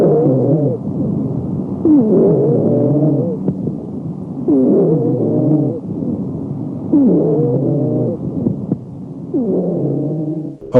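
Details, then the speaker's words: Wheezing on lung auscultation: repeated musical, whistling breath sounds with several tones at once, recurring about every 2.4 seconds. "wheeze sometimes called a roncus is a musical pulmonary sound a musical character is determined by the spectrum of frequencies that make up the sound"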